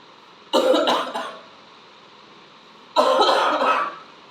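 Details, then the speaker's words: Simulated cough in a staged skit: a woman tells the doctor she has a cough and a slight cold. There are two short bursts of acted coughing, first a quick double cough, then a longer single one. "Doctor साहब खांसी हो रही है मेरे।"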